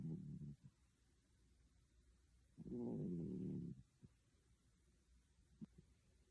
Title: Dreaming and snoring